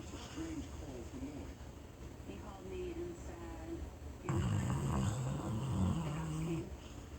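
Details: Sleeping brindle pit bull dog snoring: rough, low rumbling breaths growing louder and coarser partway through.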